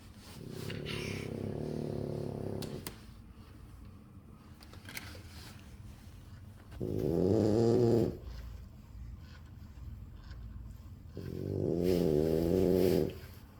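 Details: Three long, low, rattling snores from a sleeping male, each followed by quiet breathing out, at about twelve breaths a minute.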